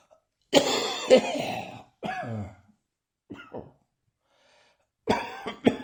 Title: Still Coughing Occasionally